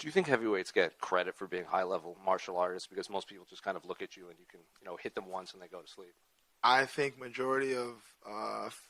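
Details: Adult male interviewer, then a second male voice; no speech disorder.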